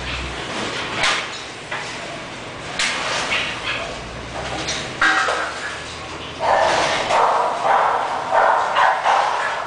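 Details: English bulldog puppy with hiccups.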